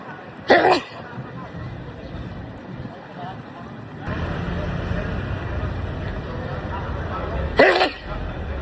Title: Sneezing Loud 🤧 August Compilation